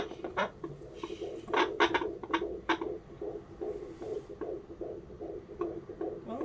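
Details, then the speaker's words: First time hearing the baby's heartbeat in early pregnancy, on Doppler: rapid, regular whooshing pulses in the 140s per minute, judged totally normal, baby moving; fetal heartbeat on Doppler. "it's in the 140s 140 piece per minute that is totally good and normal"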